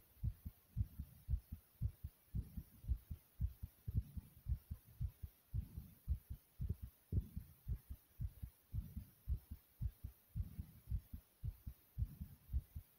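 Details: Own loud pounding heartbeat: strong, regular low lub-dub thumps at about 56 beats a minute; heartbeat.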